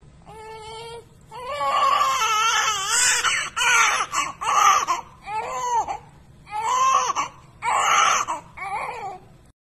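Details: Newborn's first cry just after birth: loud, rhythmic, vigorous crying bursts with brief pauses for breath.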